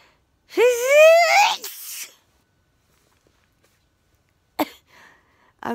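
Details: A single loud, high-pitched sneeze just before bed with a rising voiced onset, then silence and faint sniffs; person had sneezed a few times before recording. Sneezing.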